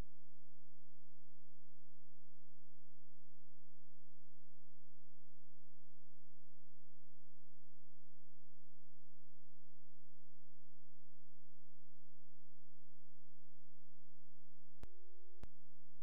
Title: PHACOEMULSIFICATION SURGERY WITHOUT VISCOELASTIC